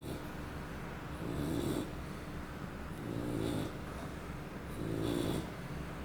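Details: Sleeping bulldog snoring: three low, rattling snores on slow breaths, roughly one every two seconds, over a steady background hum.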